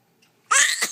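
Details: Baby boy sneezing just like his father: a tiny intake of breath, then a sudden bright, hissing burst that trails off quickly; a single infant sneeze in a small room.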